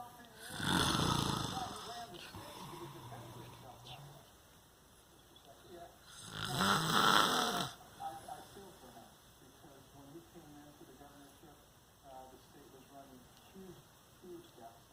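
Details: An adult man, the father, asleep and snoring: two loud rattling snores several seconds apart, with a television talking quietly in the background.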